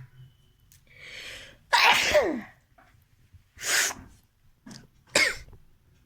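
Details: Sneezing challenge: a sharp indrawn breath, then several explosive sneezes in quick succession.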